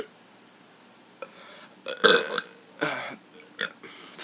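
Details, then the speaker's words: Person burping voluntarily on camera after saying they just ate beans and feel gassy: a few rough, gurgling bursts of voiced air over quiet room noise. "gave us another burp Oh some of us still in my tummy that's awkward air that was gross kind of actually I'll do a good one"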